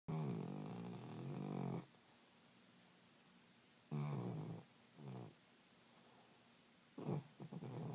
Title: Snoring Alabama